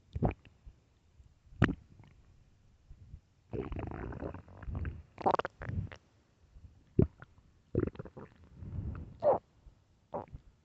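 Loud, low gurgling and rumbling bowel sounds in irregular bursts, stomach growling from hunger; a normal finding.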